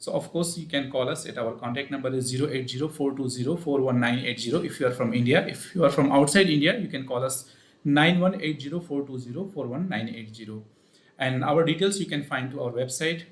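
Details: Adult male speaker; ordinary fluent speech.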